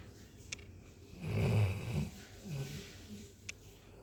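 A single low, rumbling snore with a soft snort, against faint room noise.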